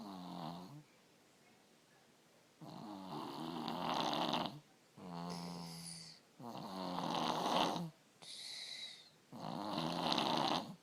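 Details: 3-year-old child with strep throat snoring, usually bad and now worse with the strep, with an ENT visit being considered: loud, rattling snores on both in- and out-breaths, about one cycle every few seconds; heavy snoring.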